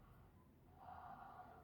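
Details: Normal breath sounds in a female patient during lung auscultation over the back near the scapula: a single soft, even breath, clear, no added noises.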